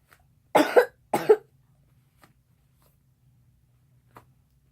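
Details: Child coughing, tagged as sick: two short, dry cough bursts close together in a quiet room.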